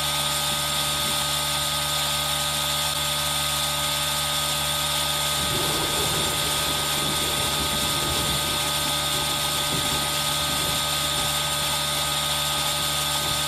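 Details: ASMR recording of a running aerosol nebulizer: a steady hissing hum with a constant mechanical drone, mixed with rain sound.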